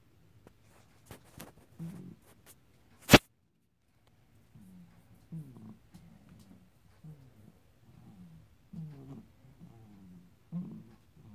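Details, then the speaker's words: Small pet, first time out of its cage, looking out the window: fast, rhythmic, squeaky-rough wheezy breathing; a kitten running in the background. "But Mr. Crumbs has got a bit of a wheezy breathing."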